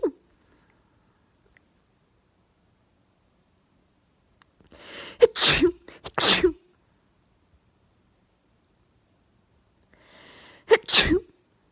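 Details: Morning sneezing fit in bed, 34 sneezes in total; three forceful sneezes, two close together then one after a pause, each with sharp inhaled build-up; sneezing fit.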